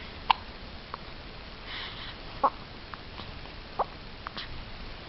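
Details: Three sharp, brief hiccups at irregular intervals over about five seconds, with faint room noise between them: infant hiccups.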